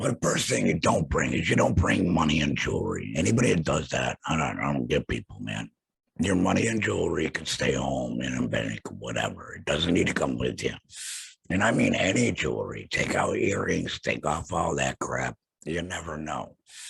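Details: Man who had a total laryngectomy for throat cancer and has no vocal cords; he has a stoma and an HME and speaks with a tracheoesophageal puncture (TEP); tracheoesophageal speech after laryngectomy.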